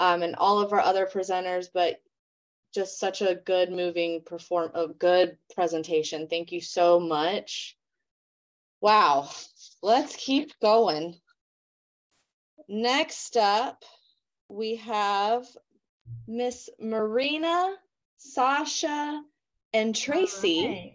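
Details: Adult woman speaking; normal speech.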